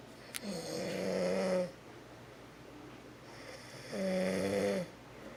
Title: Snoring daddy